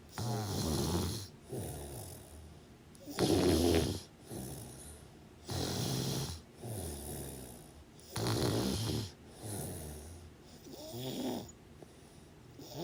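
Loud, rough, rattling snores with each breath, about 23 breath sounds a minute: ongoing snoring during sleep.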